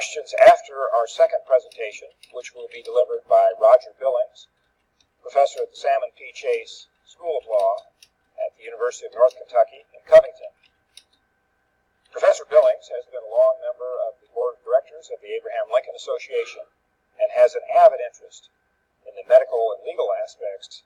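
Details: Adult male speaker; normal voice.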